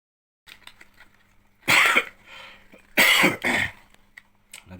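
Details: An adult man gives three short, harsh, dry-sounding coughs, one then a pair, in a quiet room; acted coughing.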